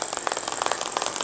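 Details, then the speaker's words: Radial shockwave therapy on the thoracic back for spinal hernia, protrusion or osteochondrosis, described as tolerable; rapid, steady rattling taps over a high whine, about a dozen pulses a second, from the radial applicator. "And now we start gently tapping along the entire thoracic region. It's quite tolerable."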